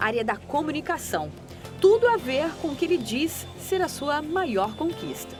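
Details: Adult woman speaking Portuguese; typical speech.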